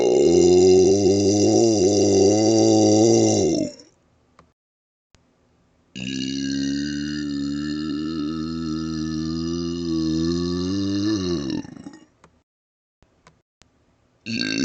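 Two long, deliberate voiced belches shaped into vowel sounds, each lasting several seconds; voluntary burping.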